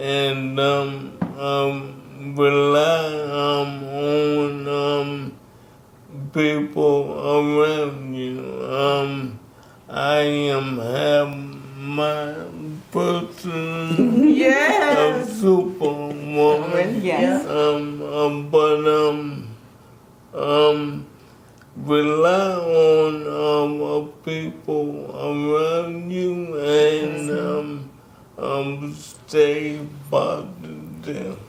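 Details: Man aged 63 with ALS; symptoms began in 2017 with a raspy voice, diagnosed in 2020; the disease started by affecting his speech, and he speaks with a little delay; dysarthria due to ALS.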